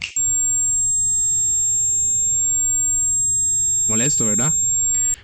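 A steady high-pitched ringing tone runs unbroken, imitating tinnitus, with brief speech near the end.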